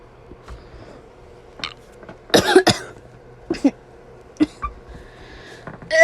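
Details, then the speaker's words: Child who feels sick with a bothersome throat: a strong double cough, then several smaller coughs or throat-clearing sounds in a quiet room. Cough. "sorry i think i'm sick i don't know my throat is bothering me"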